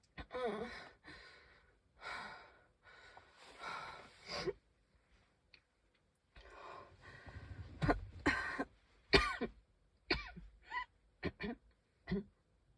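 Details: Labored, noisy breaths followed by a run of harsh coughs with whistling catches; person says they can hardly breathe, wheezing and coughing.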